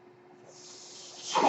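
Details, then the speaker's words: Mechanical ventilator breathing heard behind a podcast host's spoken intro: a faint steady hum, then a rising rush of airy hiss that swells sharply at the end of each delivered breath. "hello everyone my name is mark that noise you're curious by ventilator and welcome"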